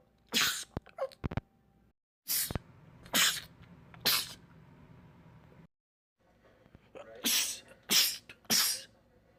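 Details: Male sneezing compilation clip: rapid runs of sharp sneezes, about nine in under ten seconds in close clusters, repeated sneezing fits.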